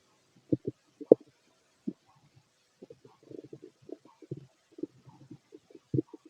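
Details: Fit adult male's abdomen through a stethoscope during digestion of a mixed meal: soft irregular gurgles and low rumbles, ordinary stomach growling, bowel sounds.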